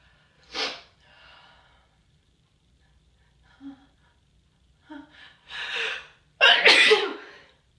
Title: itchy morning sneezes